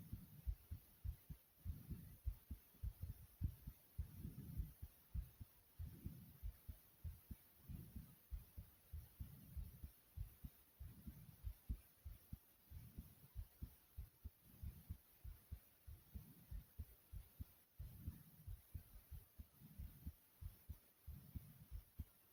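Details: After jumping jacks: fast, deep heart thumps near 100 a minute with heavy breathing swells; rapid heartbeat after exercise.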